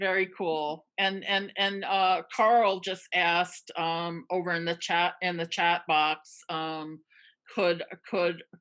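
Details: Real stuttering in a person who stutters, speaking with word repetitions; finding: stuttering.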